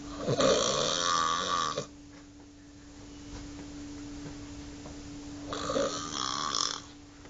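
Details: Snoring in a hospital, described only as "pughie": two harsh, vibrating inhaled snores with a quiet pause between them, over a steady background hum.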